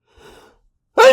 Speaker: I'm gonna sneeze. I'm gonna. Ew. Oh, that was big. It really tickles a lot.